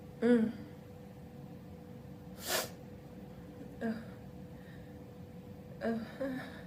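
Several loud, voiced, open sneezes with gasping intakes between them, in a quiet room; ordinary sneezing.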